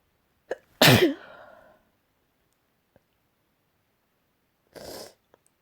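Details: Morning sneezes: a sharp intake, then one loud, forceful sneeze, followed a few seconds later by a softer second sneeze.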